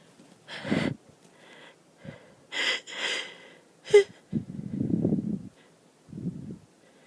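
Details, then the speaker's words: Allergy sufferer who ran out of antihistamines, with watering eyes and a runny nose: several sneezes in a row with sharp gasping in-breaths and snorting between; sneezing fit. "I'm so tired of sneezing. I'm gonna try and hold it back. Normally that makes it worse, but I'll do anything. My nose tickles so bad."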